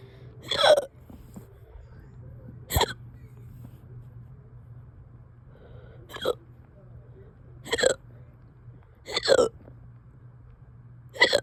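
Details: Person who has had hiccups for over two hours: six sharp, abrupt hiccups at irregular 1.5–3 second intervals over 11 seconds, with quiet room hum between.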